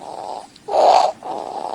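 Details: Child with critical congenital subglottic stenosis (about 90% narrowing), recorded at home: harsh noisy breathing in both phases, biphasic stridor.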